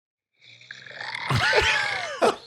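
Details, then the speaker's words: Adult's overnight sleep recorded by partner: loud, rough snore building into a snorting nasal grunt with a sudden gasp at the end; listeners say he sounds like he has trouble breathing and joke about sleep apnea; snoring with snorting. "So I really don't snort all that often, right? But sometimes, like anybody probably do, sometimes wait till you hear this. Sarah recorded me last night, right?"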